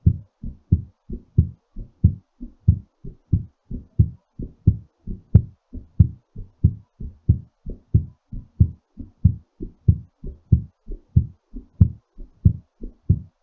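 Steady, regular low heart thumps heard during recovery after exercise, a normal heartbeat.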